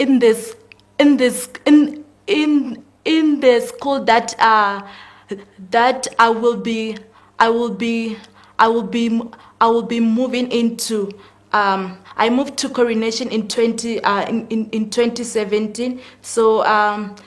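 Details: 19-year-old female grade 12 student with stuttering, which is audible during the interview: stuttering.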